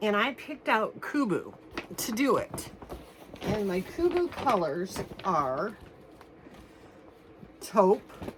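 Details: Adult woman one week after anterior cervical fusion of C5–C7 with metal and screws, throat still swollen internally, feels something stuck, not yet eating solids; dysphonia after anterior cervical spine surgery.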